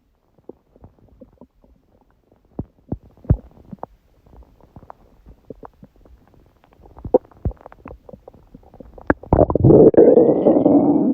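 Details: Quick bubbling pops and squeaks of gas building to a longer loud gurgle; stomach growling (borborygmi) recorded around 1:30 am after waking, following too much udon at 19:30; the person suspects a reaction to gluten after a long break.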